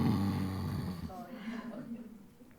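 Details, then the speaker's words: Phone recording by a parent who called it wheeze: coarse, low rumbling snore in a child with obstructive sleep apnoea, not asthma, during sleep; easily mistaken for wheeze. "he thinks the child has asthma no the child is obstructive sleep apnea"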